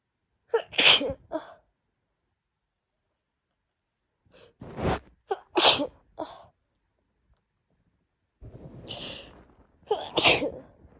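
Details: Adult woman coming down with a cold, caught from her roommate: three loud, wet sneezes, each with a sharp intake and burst, plus a snuffly breath; sneezing with a worsening cough.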